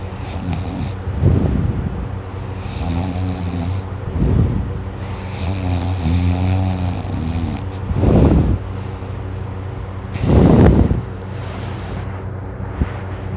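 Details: Loud, rough, rattling snores with each breath over a steady hum, with occasional wet sounds from drooling during sleep; very noisy, heavy snoring.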